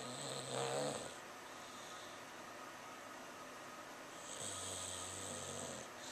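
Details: Sleeping English Bulldog after a busy day, also barking and running in his sleep, recorded on a Flip Video camera: two long, rattling snoring breaths over a steady background hiss.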